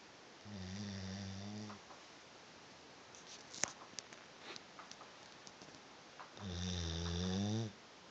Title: SNORING LABRADOR - VERY LOUD!!